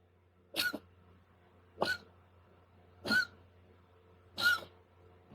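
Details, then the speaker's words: Very fluffy cat prone to hairballs: four short harsh hacking bursts a little over a second apart; owner unsure if dry heave or cough; cat acting normal afterwards. "I don't know if you guys could hear that. I don't know if he was dry heaving or what that was."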